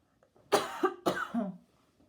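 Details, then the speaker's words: An adult who recently quit smoking after a few weeks of smoking gives two short, harsh bursts of residual coughing. "just so you guys know i have quit smoking this is residual coughing so you probably will not hear it at all next week"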